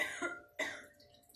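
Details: News anchor coughing on air during a broadcast: two quick, harsh adult coughs, the first slightly throaty, with a brief quiet gap between them.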